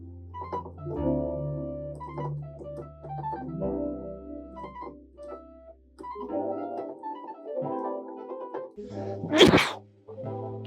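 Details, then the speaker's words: Single sharp adult sneeze, just after a burp, over keyboard synth music playing in the background. "just burped and sneezed what the [ __ ] so maybe i'm gonna go for there's gonna be something like this"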